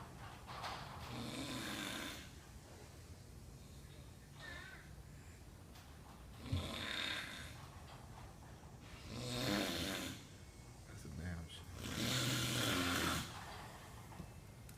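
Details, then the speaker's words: Loud, harsh, irregular rattling snoring of a person asleep on the job in a noisy warehouse; heavy snoring. "Listen to this bitch. I hear this bitch outside the warehouse. That bitch knocked the fuck out."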